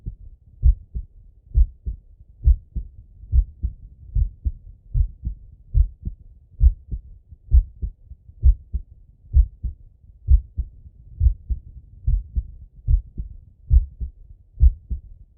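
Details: Stethoscope auscultation of a male's chest: steady, deep, muffled paired lub-dub heartbeat at about 66 beats per minute; normal heart sounds.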